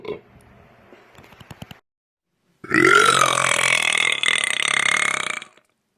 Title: Twitter Burp Compilation